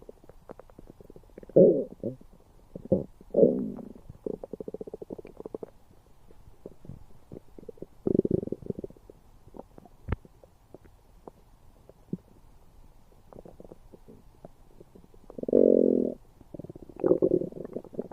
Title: Weird stomach sounds